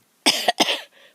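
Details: A person coughs while talking outdoors and filming flowers, saying they expected to start coughing once they began talking: two sharp, harsh cough bursts close together, then a faint breath.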